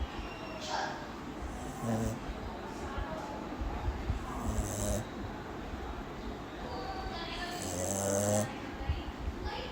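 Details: Sleeping Shih Tzu dog snoring: low, rattling snores with each breath over several cycles, over steady room noise.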